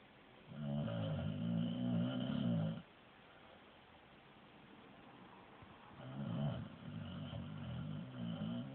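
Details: Female dog snoring in her sleep: deep, rumbling snores in long drawn-out breaths with quiet gaps between them, much like a person's snoring.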